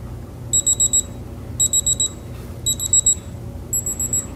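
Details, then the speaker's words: Digital thermometer held under a female patient's tongue during a physical exam, reading 36.6 °C sublingually: repeated bursts of four high beeps over a quiet room hum as it signals the reading is done. "you're going to take your temperature with this so just hold this underneath your tongue until it beeps okay"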